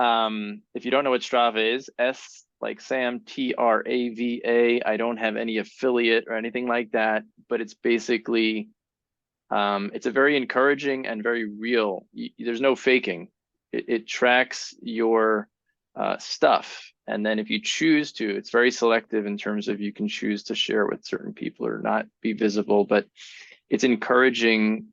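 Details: Adult male speaker; typical speech.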